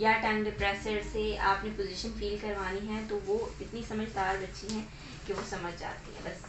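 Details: Adult woman; ordinary speech.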